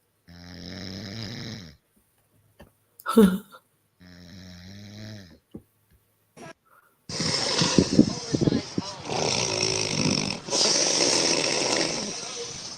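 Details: A woman snoring: loud, rough, vibrating snores with a snort between them, then a noisy stretch of heavy rattling breathing, forceful snoring.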